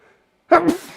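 One abrupt adult sneeze: a sharp voiced burst followed by a hissing rush of air.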